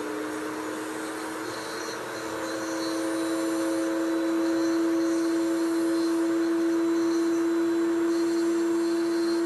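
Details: Surgical handpiece (266AMC) drilling during a simulated full bony extraction of tooth #17, a horizontally embedded typodont molar in gypsum bone: a continuous high, steady motor whine rising slightly as it cuts.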